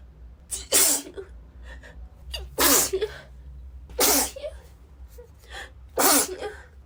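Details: A woman with a cold sneezes constantly, unable to stop even while blowing her nose: four forceful sneezes about two seconds apart, each preceded by a quick indrawn breath.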